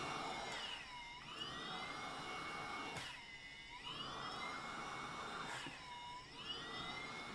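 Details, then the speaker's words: Philips Respironics DreamStation CPAP machine with noisy but still working blower motor: loud whirring whine sweeping up and down in pitch every few seconds like a siren; failing blower motor. "it basically sounds like a siren going off in the middle of the night when you're trying to sleep"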